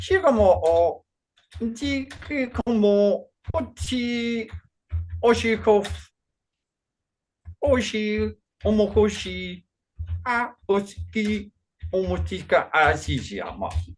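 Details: Man with Functional Neurological Disorder and foreign accent syndrome, onset 2019 alongside non-epileptic seizures, accents varying daily without control; today a bout of gibberish with a Chinese-sounding accent. Gibberish speech in functional foreign accent syndrome.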